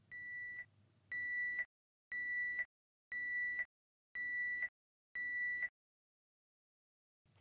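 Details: Repeated high electronic beeps, about one per second, then silence. This is a peritoneal dialysis cycler's caution negative UF alarm: the patient has retained more than the allowed percentage of fill volume. It is a manual restart alarm; press stop to mute it.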